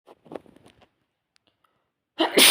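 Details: Sneezes after a sneezing spray: faint, sharp lead-in sounds, then one loud, explosive sneeze at the end.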